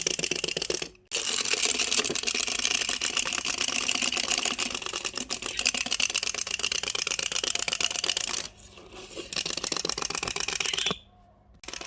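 Rapid, harsh scraping and clicking of teeth rubbing together, typical of bruxism.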